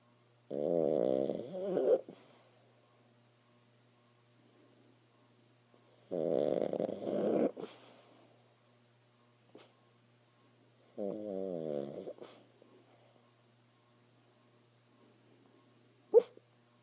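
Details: Pug sleeping (owner thinks he is dreaming): three long rattling snores a few seconds apart with quiet breathing between; sleep snoring in a flat-faced dog.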